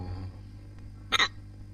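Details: Male hiccup: a single sharp, abrupt hiccup sound in a quiet room with a steady low hum; hiccup.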